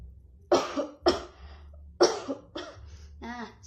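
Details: Acted cough etiquette demonstration by a nursing student coughing into the inner sleeve: several forced, muffled coughs then a brief voiced sound; voluntary cough.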